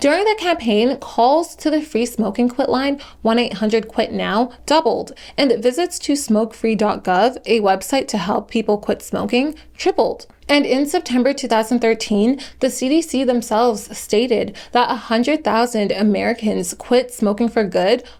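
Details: Adult female narrator; normal speech.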